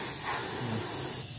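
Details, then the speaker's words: Gnatus dental unit three-way syringe: a short steady hiss of air released when its air button is pressed. "untuk cara menggunakannya tinggal tekan tombol ini maka dia kami mengeluarkan angin"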